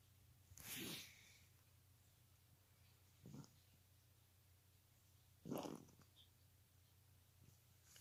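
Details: A cat gives several short, harsh coughing bursts with quiet gaps between them, described as coughing like an old man.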